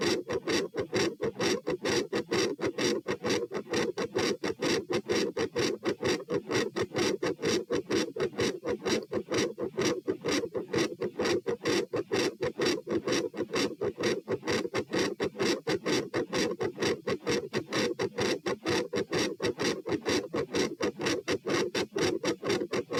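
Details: Auscultation stress test at position P (rates 78–102–120–138 bpm across lying, sitting, standing, bobbing, standing; unusually loud supine): fast, loud, regular heartbeat near 128/min, harsh scratchy around S2; tachycardia with S2 murmur.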